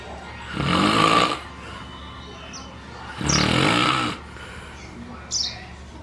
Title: Snoring pt 2